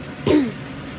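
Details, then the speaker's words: Adult woman with a persistent cough and hoarse voice despite three cough medicines gives a single short, voiced cough or throat-clear. "Aduh, yang tahu obat batuk yang benar-benar manjur itu apa ya? Karena saya sudah minum obat batuk itu ada 3 jenis, itu masih saja membandel, batuk saya masih saja ikut saya."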